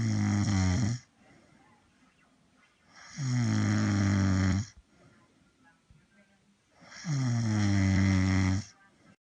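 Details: Person who fell asleep snoring, from a Dubsmash compilation: three loud, rough, drawn-out snores about 3.5 seconds apart, roughly 17 a minute, with quiet gaps.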